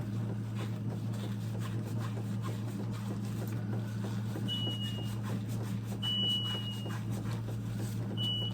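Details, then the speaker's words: Home haemodialysis session being ended early, alarm muted while lines are cleaned: repeated short high-pitched beeps over a steady low machine hum; dialysis machine alarm. "I'm just going to let it beep off I clean these lines just mute stop don't start again now we're just going to end it there"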